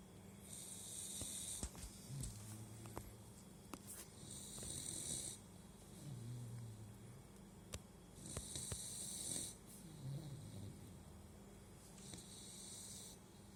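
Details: Sleeping puppy lying on its throat, which the owner says presses on its airway and causes snoring: soft, low snores with hissy breaths, about 15 a minute.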